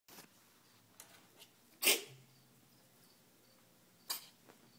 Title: Fiora coughing